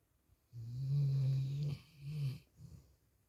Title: dog snoring